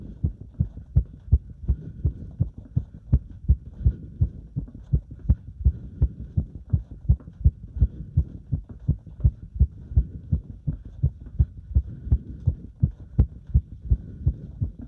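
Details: Heart sounds recorded during step-up exercise: fast, regular heartbeat of about 165 beats a minute, each beat a clear thump; a normal quickened heart during exercise.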